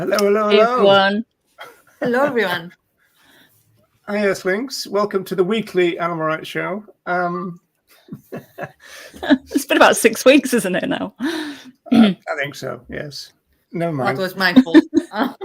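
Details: Adult speakers in conversation; normal speech.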